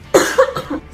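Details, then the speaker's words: Acted demonstration of the wrong way to cough, uncovered, in a cough-etiquette campaign: a single short, sharp cough with a brief second push; voluntary cough. "Oke buat lo yang masih punya kebiasaan batuk Kayak gini salah"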